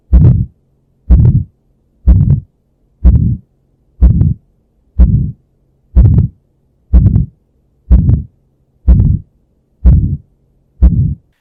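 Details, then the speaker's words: Child's heart, a loud murmur heard at the right upper sternal border: aortic stenosis murmur. "you're listening up at the right upper sternal border and you hear a murmur it's loud so not reassuring"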